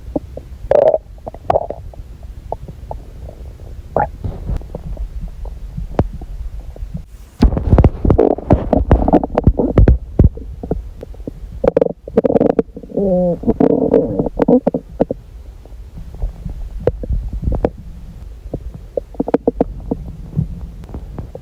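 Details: Adult abdomen: bursts of gurgling and rumbling with watery, bubbling churns and low groans; bowel sounds.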